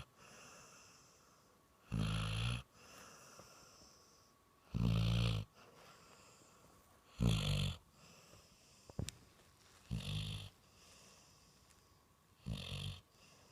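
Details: Loud, deep snores about every 2.5 seconds (roughly 24 a minute), with quiet breathing between them, from a dog sleeping very deeply; dog snoring said to sound like a person.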